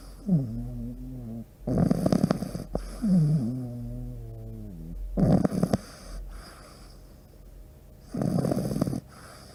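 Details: Pug in deep sleep: loud rattling inward snores about every three seconds, with whistling, whiny sounds between them; snoring in a flat-faced dog.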